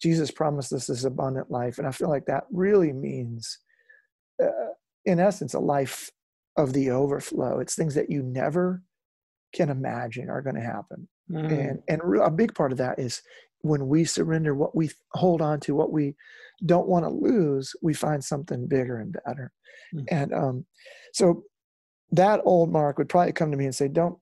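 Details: Real adult male lead singer with incurable spasmodic dysphonia that began at the height of his musical career and was first mistaken for hoarseness; he still struggles with it, and he says it is audible in his speech. Spasmodic dysphonia.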